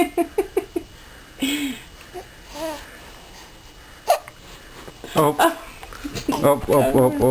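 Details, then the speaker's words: Infant babbling and laughing, with a run of short, sharp, evenly spaced catches at the start; infant hiccups. "oh you ate a lot you were alive oh you ate last night oh what did you do did you fart what did you do shitty my little cheetos oh now you're having hiccups huh"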